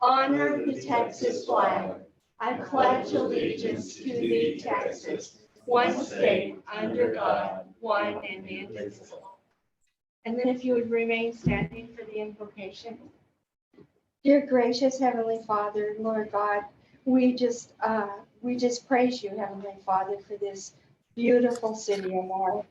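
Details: Adult speaker in a meeting room; ordinary fluent speech.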